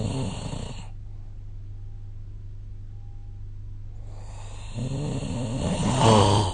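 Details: Snoring during sleep, recorded with the SnoreLab app: a loud, low, rattling snore fading into a quiet pause with a steady hum, then building again.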